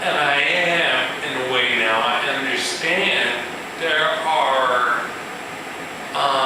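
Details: Male musician with ataxia, a progressive neurological disorder with cerebellar cell death affecting balance and speech, giving a live talk; ataxic dysarthria.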